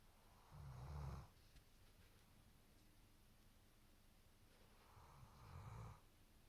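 Two deep, rumbling snores about four and a half seconds apart, with quiet breathing between. Loud dog snoring.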